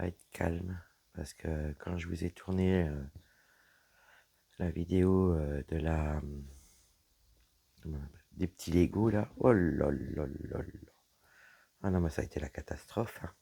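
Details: Woman whose vocal cords were damaged by a serious health problem; voice deeper than before, at times little voice, unable to speak loudly; dysphonia from vocal fold damage.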